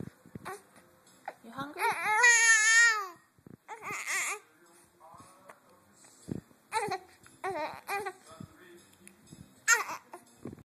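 Short infant cry and fussy babbling sounds with quiet gaps, with an adult voice faintly in the room.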